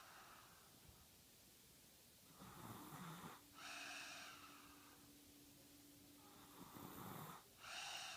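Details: Slow, regular snoring at about 15 breaths per minute, with a raspy in-breath and a soft out-breath; snoring.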